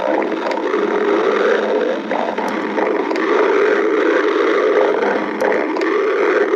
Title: Sticks the badger stomach growling 8